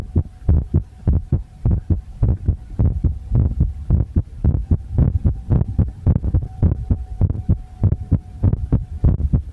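Regular low thumping heartbeats at about 105 a minute, with a steady hum in the background.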